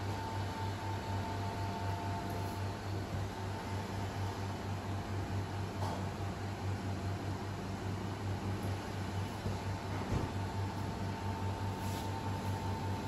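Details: BiPAP machine running with tracheostomy tube, oxygen port and nebulizer pipe connected: steady low motor hum with faint whine and airy hiss of the ventilator.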